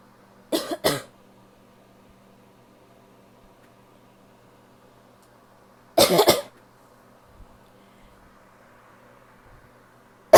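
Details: Female coughing: three coughs, a quick pair then a longer, harsher one after a pause, mostly barky with some wet.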